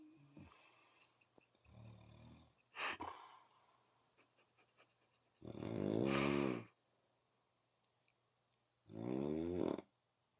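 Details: Irregular snoring with a few rough, buzzing noises, then two long, loud, fluttering snores separated by quiet pauses.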